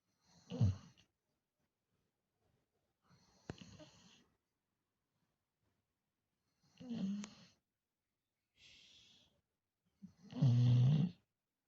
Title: איציק (פמפקין) נוחרת. Pumpkin snores